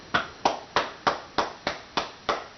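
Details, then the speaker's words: Rhythmic hollow cupped-hand claps, about three a second, on both sides of the upper back, slightly lower than before, of a child with cystic fibrosis leaning forward on a pillow; chest percussion for airway clearance. "I'm going to clock both sides of this upper back again so first we did this area now I'm going to do this area and it's just slightly lower than where we did earlier"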